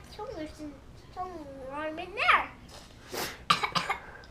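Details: Young child playing with toys talks, then gives a short burst of several coughs or a big sneeze near the end.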